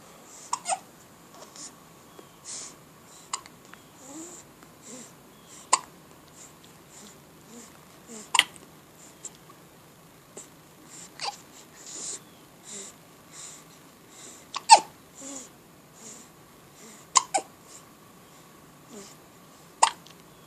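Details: Infant hiccups repeatedly, with sharp clicking catches every few seconds between soft baby sounds.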